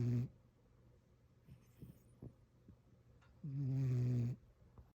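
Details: A one-eared rescue cat snoring with low, buzzing snores and soft breath sounds in the quiet gaps between them.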